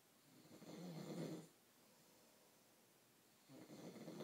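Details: Someone snoring: two soft, rattling snores about two seconds apart with quiet pauses between; ordinary snoring.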